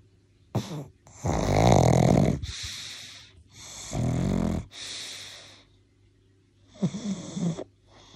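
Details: Loud, rough snores and snorts in uneven bursts with quiet gaps between breaths from a sleeping pug; snoring.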